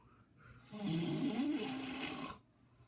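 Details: Uncle's unusual snore: a single long, voiced, wavering snore with a rising and falling musical tone, about 1.5 seconds long; snoring.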